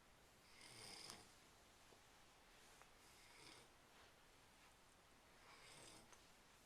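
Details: Light snoring recorded with a Flip Video camcorder: soft, hissing, slightly rattling breaths recurring every few seconds, quiet and close.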